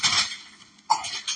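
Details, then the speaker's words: Acute cough in a boy, whose parent suspects he caught a chill at the swimming pool: two or three short, harsh coughing bursts separated by a brief quiet gap, in a small indoor room. "Сын вон кашляет, на бассейне просквозит, промерз, наверное."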